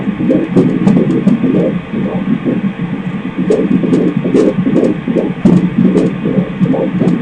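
Fast, rhythmic whooshing pulses over a steady hum: a fetal heartbeat picked up by Doppler ultrasound during a scan.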